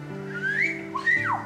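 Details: Imitated vocal tic (whistling), given as an example of a Tourette syndrome vocal tic.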